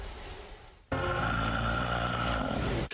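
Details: Snoring recorded by a smartphone app that detects breathing pauses during sleep (sleep apnea): a single loud rumbling snore lasting about two seconds after a moment of quiet.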